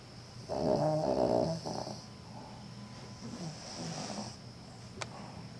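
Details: Sleeping female Cavalier King Charles Spaniel, wagging her tail unconsciously: she snores with a rough, fluttering sound on the in-breath, then a quieter breath out and a faint click.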